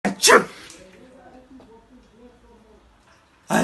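A sharp explosive burst at the start, then quiet room noise and the onset of a second burst at the end: sneezing.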